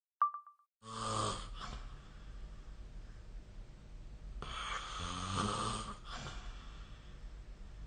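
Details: Snoring during sleep recorded with the SnoreLab phone app.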